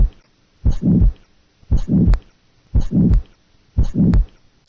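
Low heart sounds at about 58 a minute, each first sound followed by a prolonged rushing noise through systole: a systolic murmur.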